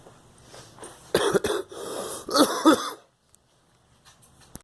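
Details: A girl gives a short run of harsh coughs, some wet-sounding, then falls quiet.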